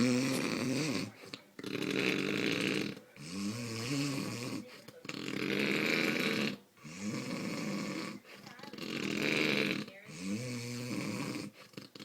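Very loud, long rattling snores about 18 a minute with brief silent gaps between; heavy snoring.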